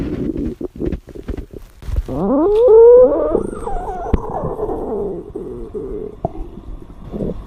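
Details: Long, loud, rising and falling gurgling rumble with bubbly pops from a girl who is hungry while dieting, in a staged scene; normal gut sounds; stomach growling.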